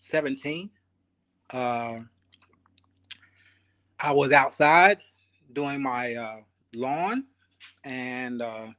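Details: Aphasia after ischemic stroke in a 52-year-old male Army veteran, about 3 years post-stroke, still working on his speech; real patient.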